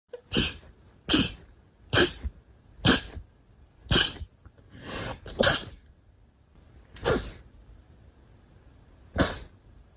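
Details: Nine sharp, explosive sneezes in quick succession, each a brief burst of air through the nose, from a small animal; sneezing.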